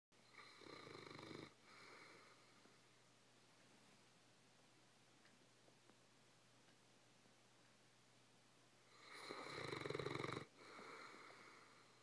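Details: Lazy dog snoring in sleep: two loud, rasping snores about eight seconds apart, with slow, quiet breathing between them.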